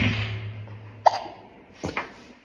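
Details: Hiccups in a young child in a quiet room: one sharp, brief catch of breath, then two fainter ones.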